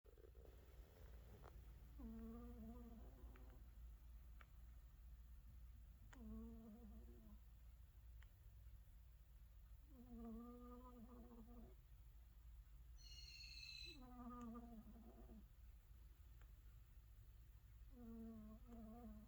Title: Cat snoring lol #funnycats #catshorts